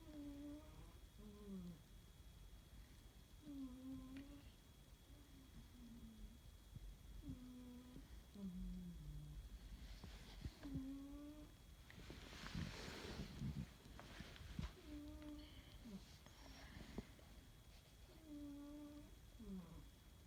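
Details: Sleeping cat snoring for one minute: soft, whistling hums on each breath, about 16 breaths a minute.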